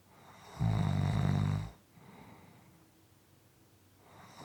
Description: This is a 6 1/4 minute clip of snoring.